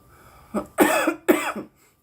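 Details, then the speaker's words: A girl gives two harsh, forceful coughs after a short throat sound, after inhaling too much cannabis smoke; she notes coughing with her mouth open makes her cough more. "yeah I think I do notice coughing with your mouth open makes you cough more"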